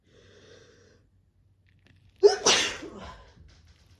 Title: Just messing about sneezing!